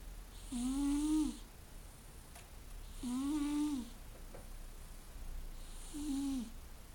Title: Snoring Coco.